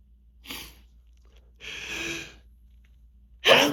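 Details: Repeated forceful sneezes with quick breaths between, in a quiet hotel room, from grass pollen allergic rhinitis during spring season while off medication for several days; endless sneezing fit.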